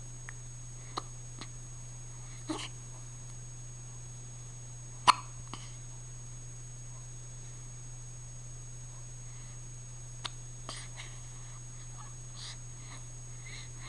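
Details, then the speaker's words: Infant girl awake at 1:30 in the morning with hiccups: small, sharp catching sounds recurring every few seconds in a quiet room with a steady hum. "It's 1:30 in the morning, and look who's wide awake. With the hiccups, no less."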